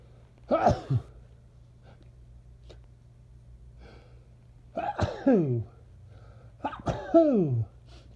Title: More allergy sneezing and honking M